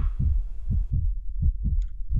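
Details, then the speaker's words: Normal heart sounds of a female Pomeranian: regular paired lub-dub, fast as in a small dog, very similar to humans; a common heartbeat heard when evaluating an animal's heart. "That is actually her bark, and that is what her heart sounds like. Very similar to humans."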